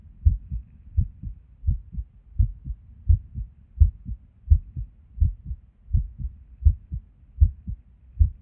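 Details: Resting heartbeat recorded at Erb's point while sitting at a desk, heart often skippy with or without reason: sounds about 85 a minute with uneven spacing and occasional pauses; an irregular rhythm with skipped beats.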